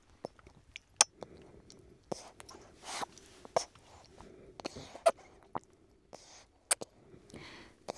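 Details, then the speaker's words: 2-month-old girl breastfeeding, recorded in an anechoic chamber: non-nutritive suckling stimulates milk flow, then the rhythm slows, with soft rhythmic clicks and audible quiet swallows: nutritive suckling with swallowing. "First we hear suckling without swallows that stimulates milk flow. And then the rhythm changes, frequency of suckling decreases and we can hear her swallow."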